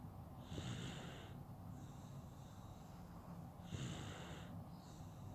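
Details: Baby snoring while napping: soft, noisy, snuffly breaths with a hissing whistle on each breath; light snoring.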